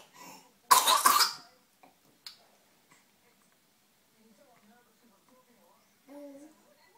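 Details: A young child playing in her cot in the morning, still coughing: a loud double cough, then a smaller cough, quiet babbling and a brief vocal sound, with repeated coughing.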